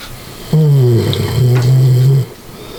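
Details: Dog snoring: a single loud, drawn-out, low snore of under two seconds with a droning, slightly growly tone.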